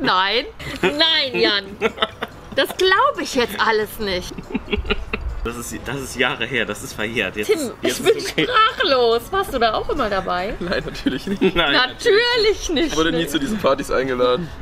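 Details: Adult woman speaking German; no disorder.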